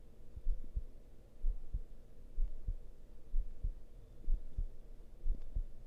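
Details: Heartbeat described as a pounding male heartbeat with heavy breathing: low, deep, regular thumps at about 62 a minute over a soft hum, with no heavy breathing clearly heard.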